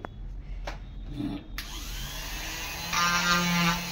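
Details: A few knocks, then a rising motor whine steadying into a buzzing drone: an oscillating cast saw cutting a plaster cast off an adult man's leg.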